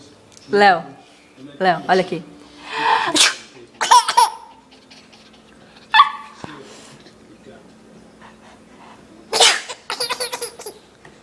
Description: My 9 months nephew laughing at my fake sneezes.